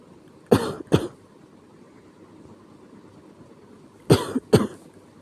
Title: 気持ち悪い咳 sick cough